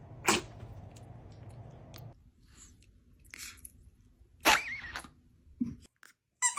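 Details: A dog gives several short, sharp sneezes, each a quick burst of air, in a quiet indoor room; sneeze.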